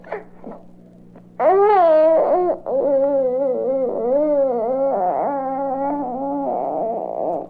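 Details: Infant vocalizing, from a 1967 recording of babies' sounds for expectant and new parents.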